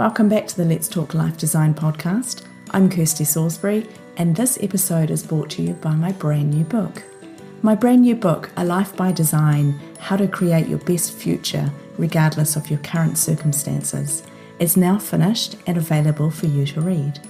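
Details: Adult woman speaking; normal fluent speech.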